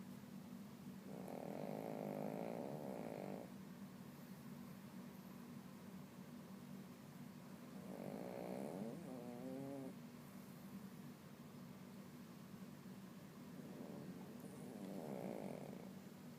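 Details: Dog snoring in deep sleep: three loud, rough snoring breaths over about sixteen seconds, with quieter breathing between.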